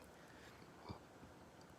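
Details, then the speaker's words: A single short, abrupt throat sound in a quiet room; the speaker says it sounds like acid reflux but calls it a "thymus gland hiccup"; hiccup. "i get these uh it sounds like acid reflex but they're thymus gland hiccups which is your throat chakra"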